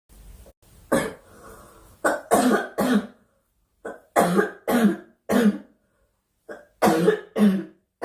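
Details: Young woman during a live stream: repeated sharp dry cough bursts, about ten in eight seconds, some in quick pairs.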